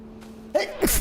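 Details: Single sneeze during a VTuber livestream: a quick indrawn breath, then a sudden voiced burst and a hissing release, followed by "excuse me".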